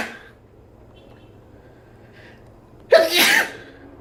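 A quiet room, then one loud, sudden sneeze with a sharp burst of air.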